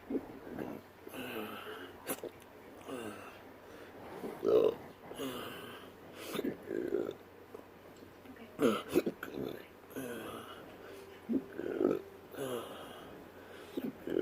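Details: Adult with intractable hiccups since surgery in December 2015, recorded during a physical therapy workout, giving repeated short throaty belches every one to three seconds, partly held back, with strained breathing between; repetitive belching with hiccups.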